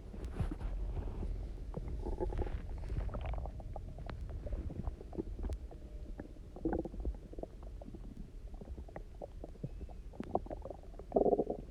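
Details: Person who had eaten almost nothing for 24 hours, then drank a lot of water and lay on their side: continuous low rumbling with bubbling gurgles and a louder growl at the end; hunger borborygmi, a normal finding.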